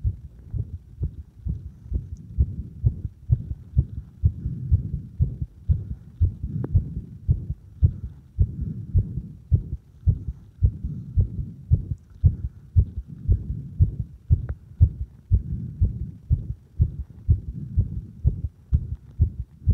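Repeated low heart thumps near 120 a minute, heard at the apex with firm stethoscope pressure; a normal finding.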